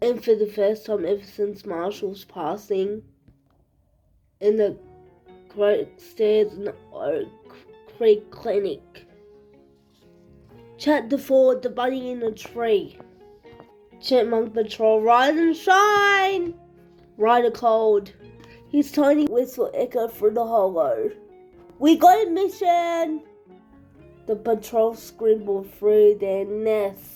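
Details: Speaker with cerebral palsy reading a story aloud; no specific speech disorder is stated; speech in cerebral palsy.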